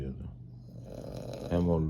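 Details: A man snoring through the night, keeping his partner awake: a low, rough, rattling breath with a louder buzzing burst at the end.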